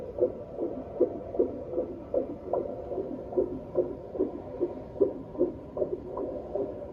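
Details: Doppler at 39-week prenatal appointment, six days before due date, baby moving with good fluid: rapid steady whooshing pulses at about 150 beats a minute; normal fetal heartbeat.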